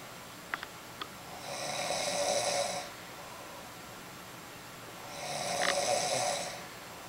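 Two long, rasping, hissy breath sounds about three seconds apart over a quiet room hiss; soft snoring.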